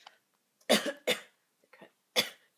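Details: Powerful hiccups: three sharp, abrupt bursts with brief softer sounds between them, in a quiet room.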